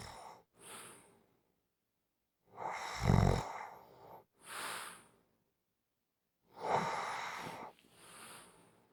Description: 5 minute clip of snoring. Just for Fun to rewind, relax